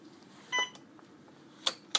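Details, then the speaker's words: Single steady electronic beep then two short clicks from a patient-controlled analgesia pump keypad while programming, as the syringe is placed and drug selected. "put the key in to program and confirm that the syringe is in place select the syringe and select the drug that you will be infusing"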